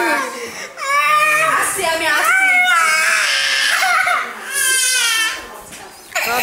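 Loud, wavering infant cries with rising and falling pitch, broken by brief catch-breaths; ordinary baby crying.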